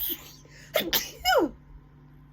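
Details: Rough sneezing attack in a dusty room: two quick explosive sneezes followed by a rough, voiced third sneeze falling in pitch.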